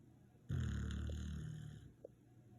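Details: Kapler snoring: one drawn-out, low, rumbling snore on a breath lasting about a second and a half, fading out.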